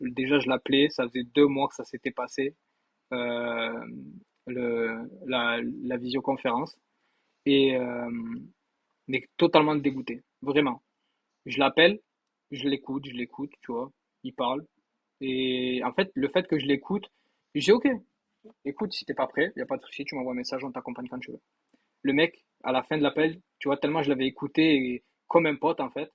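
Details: Acquired stuttering in an adult man who spoke fluently until he was electrocuted; now mild, worse when facing difficulties, and present during university oral tests.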